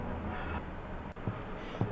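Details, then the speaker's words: Tympanic percussion note over Traube's space and right iliac fossa with air in these viscera: a fairly brief sound with a low or high fundamental tone and harmonic overtones, tympany. "El timpanismo es el sonido natural del espacio de traue y de la fosa ilíaca derecha cuando hay aire coleccionado en estas víceras. Es un sonido más o menos breve que se diferencia por poseer un tono fundamental, grave o agudo, pero con sobretonos armónicos."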